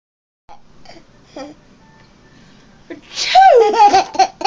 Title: So tired even sneezes are funny.